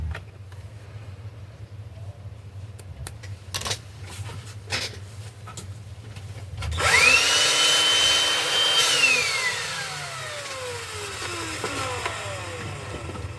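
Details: Nebulizer compressor opened for repair, dust found inside: clicks and handling noise, then the motor whines up, runs steadily and winds down; nebulizer compressor running.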